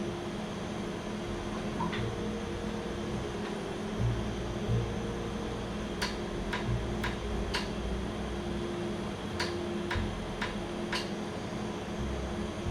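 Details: Laser tattoo removal on a non-red area after numbing, with cooling afterward, reds left for the next session: sharp snapping clicks in short runs over steady machine hum.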